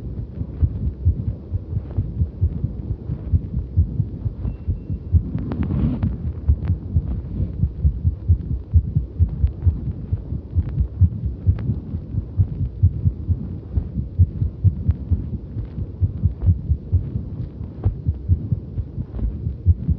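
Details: Heartbeat recorded during cycling exercise: steady, fairly regular low thumping under rumbling motion noise, with no clearly audible skipped beats, although the person reports feeling a number of skips during the ride.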